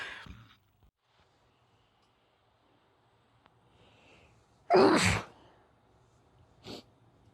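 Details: Sneezing from a female: a quiet breath in, then one sharp explosive sneeze and a small sniff in a quiet room.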